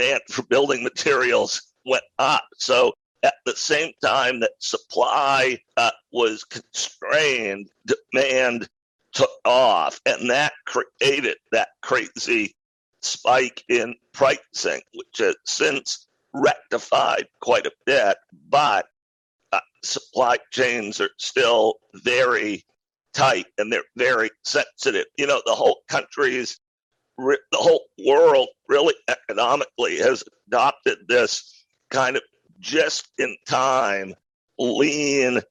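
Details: Adult male who acquired a rare neurological voice disorder in 2012, a roughly 10-year course described as partial voice loss, now speaking without pain though still audibly affected; spasmodic dysphonia.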